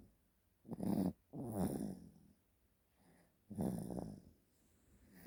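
Repeated noisy, rattly breaths with short snorting bursts in a quiet room; snoring during sleep.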